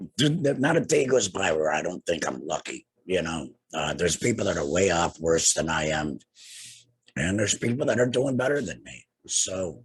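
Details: Adult man two years after laryngectomy for cancer treated with radiation and chemotherapy; no larynx, breathes through a neck stoma, speaks via tracheoesophageal puncture (TEP) voice prosthesis with HME; tracheoesophageal speech after laryngectomy.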